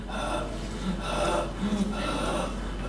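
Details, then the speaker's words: Patient breathing through the mouth during chest auscultation, bilateral generalized rhonchi audible without a stethoscope and palpable as rhonchal fremitus: noisy coarse, low rumbling, snoring-like rattles through the breath cycles. "شايف الصوت ده؟ دي رونكاي سامعها بودنك، يبقى لازم تقول له حاسس رونكاس فريمتس."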